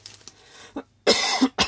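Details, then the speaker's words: Woman with a slightly hoarse voice: faint throat noises, then a loud harsh cough burst and a shorter second cough; a single bout of coughing. "Alors, excusez-moi, j'ai la voix un peu enrouée."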